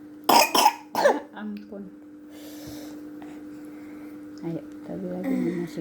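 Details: Chubby baby coughing, put out for sunbathing because of the cough: a quick run of three short coughs, then soft murmuring and adult talk in the background.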